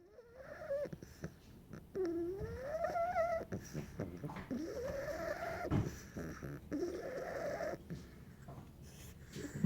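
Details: Bulldog puppy napping: irregular snorting, whistling breaths with rising squeaky tones while asleep; flat-faced puppy snoring.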